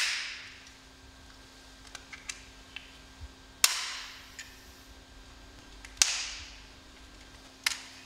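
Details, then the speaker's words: Respimat soft mist inhaler priming before first use, whole process repeated three more times; sharp snapping clicks with small turning clicks between, as it is twisted, opened and fired. "Afin d'être sûr que l'inhalateur soit prêt à l'emploi, répétez tout le processus encore 3 fois."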